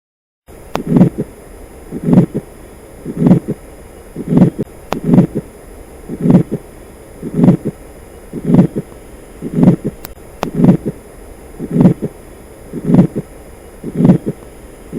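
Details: Atrial septal defect heart sounds: a steady heartbeat near 54 per minute with low, slightly rough beats.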